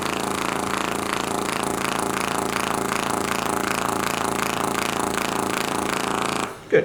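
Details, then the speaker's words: V-actor percussive massage tool on the muscles and fascia around the shin for pain relief after shockwave, 23-year-old female runner with shin splints (medial tibial stress syndrome); loud rapid mechanical buzzing, stopping near the end. "so i'm going to finish off with some reactor treatment which is looking into the muscles and fascia and also give a bit of pain relief around the structure"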